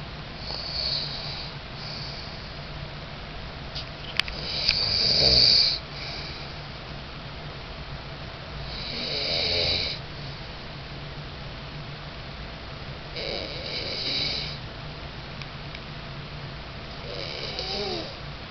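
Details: Four rough, rasping snoring breaths, roughly every four seconds (about 14 a minute), over steady room noise; snoring.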